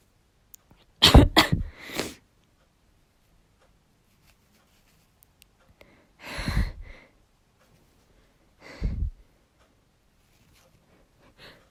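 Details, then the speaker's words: A woman deliberately trying to induce sneezes, already very sniffly, gives three sneezes in a quiet room, the first a loud double burst and then two softer ones; a nosebleed followed later. "uh yeah this is working i'm going to sneeze ah i'm gonna sneeze"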